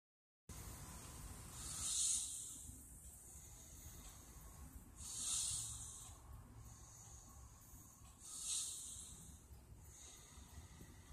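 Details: Three soft, hissing snoring breaths, about 18 a minute, faint against low room rumble; an adult man snoring, recorded on a phone.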